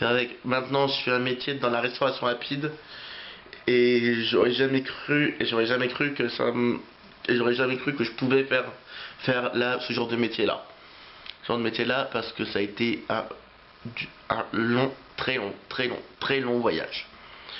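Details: Adult French-speaking man who has stuttered since age three, still stuttering at times depending on fatigue and how he feels; repetitions of words and phrases heard; stuttering.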